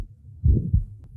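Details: 20-year-old female with a small muscular ventricular septal defect, recorded at the left lateral sternal border: one heartbeat with a soft, rough early systolic murmur starting at the first sound and fading before the second.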